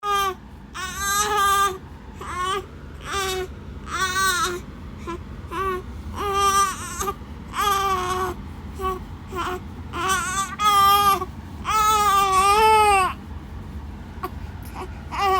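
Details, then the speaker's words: Newborn still hungry during breastfeeding, crying in repeated rhythmic bursts with brief pauses for breath over a soft room hum; newborn hunger cry. "Gusto mo hulumul sa dede ha? Gusto mo hulum-hulum ka? Gutom pa ako."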